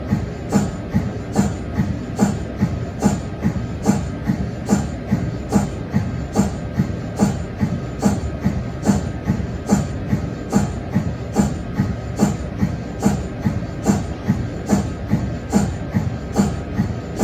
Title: MRI sound (cold head)